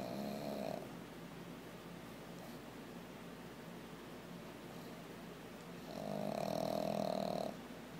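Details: Pet pug asleep beside its owner: two soft, drawn-out rattling snores about five seconds apart with quiet breathing between; snoring in a sleeping flat-faced dog.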